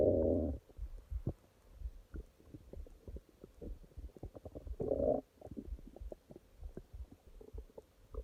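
Loud gurgling rumbles with many short popping and bubbling sounds between them; ordinary stomach growling.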